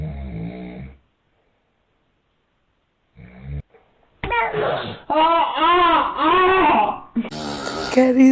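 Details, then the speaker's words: Baby reacting to snoring: short bursts of an infant's rising-and-falling cry with brief quiet gaps, other sounds at start and end; the baby is described as scared; infant cry. "story. My poor baby is scared. Baby, baby, baby."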